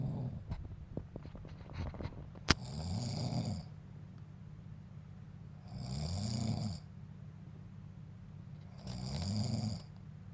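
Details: Adult man snoring in sleep, secretly recorded by his son; he snores every day but denies it. Snoring.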